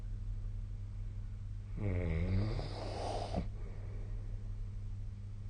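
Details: A single low, rattling snore on an in-breath, about a second and a half, over a steady background hum, recorded during sleep with a snoring app; snoring.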